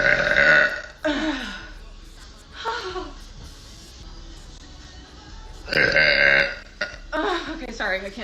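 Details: Woman burping on purpose, one after another: several loud, drawn-out voiced belches with quiet gaps between, over faint background music; repeated burping.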